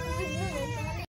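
A brief loud, wailing baby cry lasting about a second.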